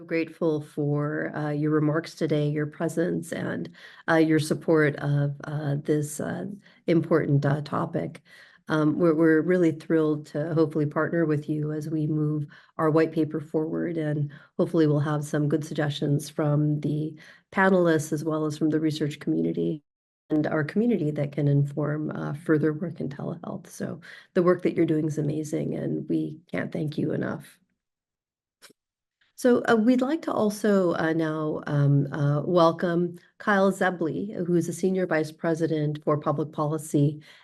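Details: Adult woman speaking; normal speech.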